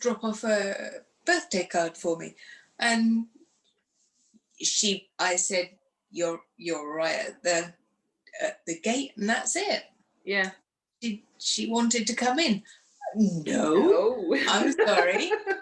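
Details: Woman who had a stroke after surgery in 2018 at age 44, lost her speech afterwards and now lives with post-stroke aphasia; aphasia.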